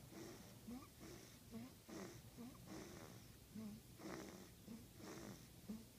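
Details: Snoring: soft, repeated rattling breaths about once a second or faster, with low snorting noise throughout; recorded September 3, 2015.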